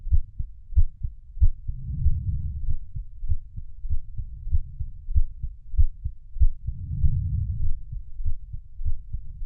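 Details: Steady low thudding heartbeat at about 95 beats a minute with a soft whooshing swell every few seconds; heartbeat recording for sleep.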